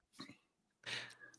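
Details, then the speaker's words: Two rough, noisy snorting breaths from a flat-faced small dog in a quiet room: dog snoring heard continuously in the background. "I'm used to I just tuned it out. If you have a friendship, there's a dog snoring at all times."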